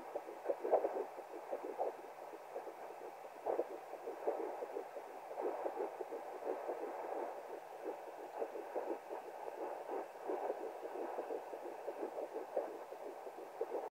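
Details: Fetal heartbeat at 10 weeks 3 days of pregnancy, heard through a home Doppler: fast, steady whooshing pulses.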